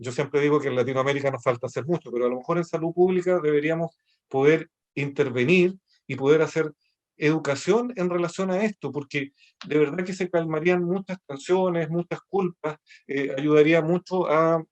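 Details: Adult man speaking Spanish; normal speech.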